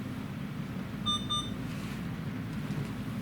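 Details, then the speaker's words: Alaris infusion pump during set-up of a doxorubicin-based EPOCH chemotherapy infusion (vesicant, central line, non-weight-based dosing): two short high-pitched beeps over room hum, a soft guardrails dose-limit advisory alert that can be overridden. "And it's giving me a soft guardrails limit, which I can go ahead and override."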